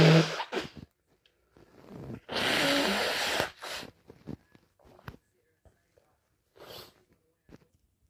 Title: wet and strong (induced) hayfever sneezes+nose blow and tissue showing